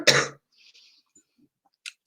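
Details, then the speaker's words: Adult with a terrible cold and cough, during a live talk: a single short, harsh cough followed by faint breathing. "one second I'm gonna pause for a brief second Clem sorry that was a nasty bit of cough comin"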